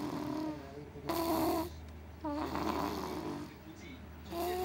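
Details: Baby snoring: repeated voiced, rattling breaths with a humming, whiny quality, rising and falling with each breath; snoring.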